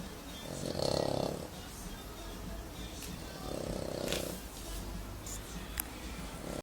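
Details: An English Bulldog snoring: two long rattling snores about three seconds apart over steady room noise.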